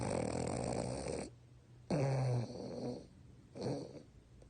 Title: Snoring French Bulldog with eyes open